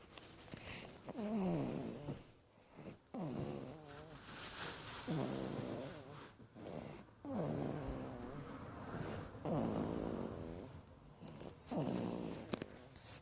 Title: Snoring baby! !!